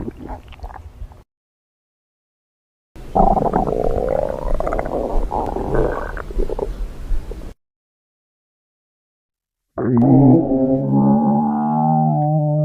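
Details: Three bursts of low gurgling and rumbling stomach growling (borborygmi) from a female, split by silent gaps.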